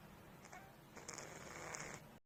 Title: Cat Snoring